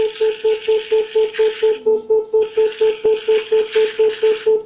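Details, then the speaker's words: Harmonic scalpel (ultrasonic energy device for laparoscopic surgery, about 55,500 vibrations per second) activated in air while pressed on a finger, demonstrating no burning: regular tonal beeps about twice a second with hissing water spray. Harmonic scalpel activation. "it is spraying the water. Do you see? And my finger is not burning."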